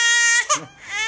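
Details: Brief, high-pitched cry of an infant with a sharp wail that breaks off and trails away, after being startled by the father's coughing; infant cry.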